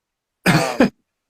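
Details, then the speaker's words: An adult gives a rough, voiced cough in two quick bursts, close to a throat clear, in a quiet room during a live chat, apologising for coughing and sounding bad. "sorry I'm coughing I sound like [ __ ]"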